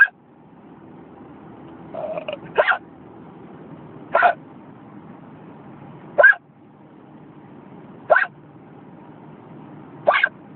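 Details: Hiccups in a car: six abrupt, brief hiccups about two seconds apart, roughly 30 a minute, over steady car noise.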